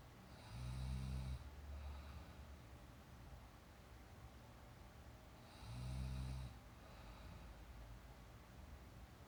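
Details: Young woman napping, real sound: two low, rumbling snores on inhalation about five seconds apart, roughly 12 breaths a minute, with steady background hiss; snoring.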